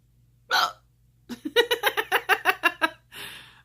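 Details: One sharp hiccup, then about ten quick voiced, sobbing-laugh catches and an exhale, from an adult with multiple sclerosis who reports hiccups in childhood and now daily, several times a day. A bout of hiccups.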